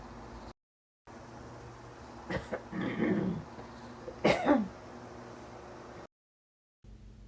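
Quiet room hiss broken by a short rough throat-clearing sound and a brief harsh cough-like burst during the night.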